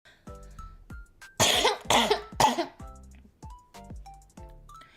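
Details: Three loud, harsh coughs in quick succession over soft background music from a girl with a bad cold who is trying but failing to hold back the cough.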